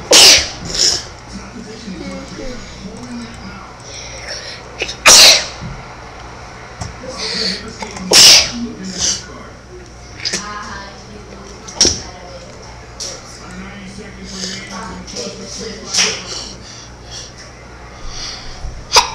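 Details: Several sharp, explosive sneezes at irregular intervals, heard among children's voices and play noise during a sneezing session at home.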